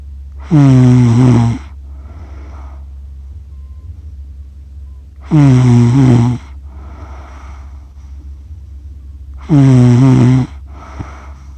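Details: Person snoring after accidentally falling asleep while filming cats, self-described as snoring funny; loud snores with a strong, almost voiced tone, about 14 per minute, then softer exhalations over a steady hum.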